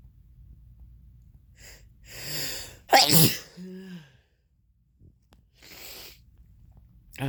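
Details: A quick drawn-in breath, then one sharp, forceful sneeze with a short voiced trailing sound and quiet breathing, occurring when drinking red wine; sneezing.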